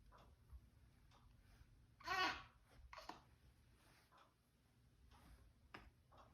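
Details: A sleeping 1-month-old baby making soft grunts, squeaks and brief breathy vocal sounds in a quiet room; ordinary newborn sleep noises.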